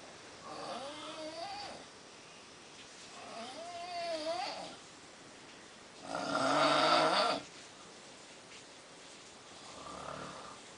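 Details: Adult man (father) snoring loudly: four snores in about 11 seconds with rising and falling rattling tones and a harsher burst in the middle.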